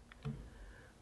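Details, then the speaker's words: Diskus dry-powder inhaler dose-loading click during a patient's COPD inhaler-technique demonstration: a brief, soft double click in a quiet room as she pushes the lever to load the dose. "okay so now I have you do a demonstration for me oh okay um put my thumb here push this away and then I'm going to load the mid good"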